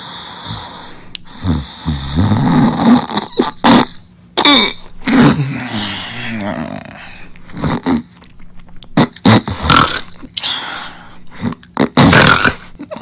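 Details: Asleep, snoring loudly while drooling: loud irregular snorting and rattling breaths with wet gurgling bursts, noisy breathing during sleep.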